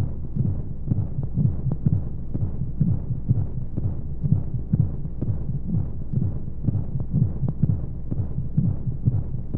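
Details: Womb sound played as a baby sleep aid: muffled, regular low thumping, roughly 125 beats a minute, under a steady hum of white noise and monotonous flowing sounds; heartbeat.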